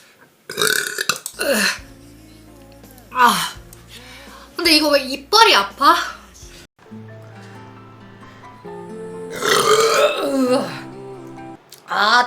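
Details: Korean streamer's deliberate burps from a compilation, saying the stomach is full: several loud, drawn-out belches between bits of talk, with music in the background.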